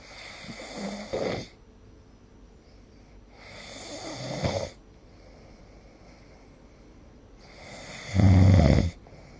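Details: Snoring recorded with a snore-recording phone app; loud, low, rattling snores, one with each breath, about 16 breaths a minute, with quiet pauses between them.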